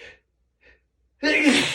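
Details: Morning allergy sneezing on waking with a tickly nose: a faint breath-in and catch, then one loud explosive voiced sneeze.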